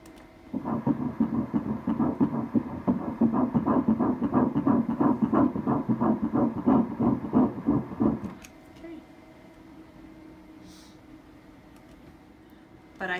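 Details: Rapid, regular whooshing pulses at about 180 a minute for several seconds, then quiet: a normal fetal heartbeat of twin baby A at 9 weeks 1 day, heard on pregnancy ultrasound with Doppler.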